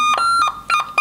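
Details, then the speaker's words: Monitor alarm during a defibrillator skill-lab ECG demonstration showing coarse ventricular fibrillation, with chaotic quivering ventricular waveform; fine and very fine VF are also described. "gambaran EKG yang berikutnya yang sering muncul adalah ventricle fibrilasi. Nah, seperti ini nih. Ini ventrikelnya mengalami getaran Ini ada yang bentuknya kasar, ini namanya coarse ventricular fibrilasi atau ventricular fibrilasi kasar."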